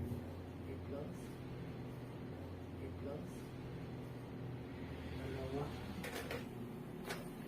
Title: TMJ CLICKING SOUNDS